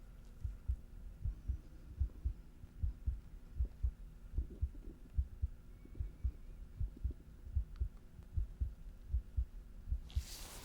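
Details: Steady two-part lub-dub heartbeat at about 80 beats a minute, heard during simulated stethoscope chest listening in an ASMR ENT-examination roleplay. These are normal heart sounds.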